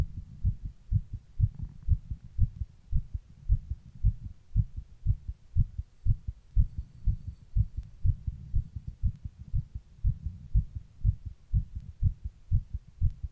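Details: Adult's own heartbeat recorded close up while rebreathing into a plastic bag: steady, regular low thumping with no extra sounds. Heartbeat.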